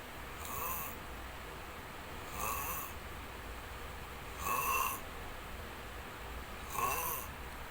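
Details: Long bout of snoring during sleep: steady rasping snores about every two seconds over a constant room hum.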